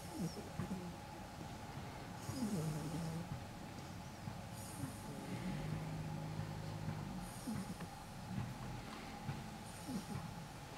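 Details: Pitbull puppy asleep, snoring: soft low rumbling snores with snuffly breaths, about five cycles in ten seconds, over steady room hum.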